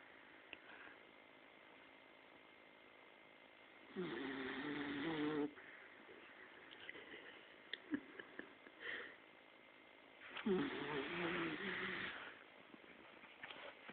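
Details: Sleeping dachshund snoring in two rattling, buzzy breaths about six seconds apart; an ordinary snore.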